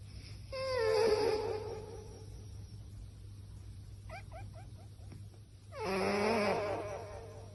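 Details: Cat snoring amplified through a loudspeaker: two loud, droning, whistling snores with a few faint chirps between them over a steady electrical hum.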